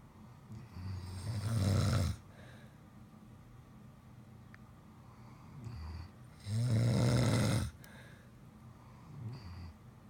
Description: I couldn't get to sleep because of the DUELING SNORING between my hubby and our German Shepherd!